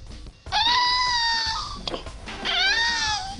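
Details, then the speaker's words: Two high, thin, plaintive mewing cries like a kitten, typical of cri du chat syndrome, a genetic disease; this cry is its first sign. "Des pleurs aigues, plaintifs, c'est le premier signe de la maladie du cri du chat."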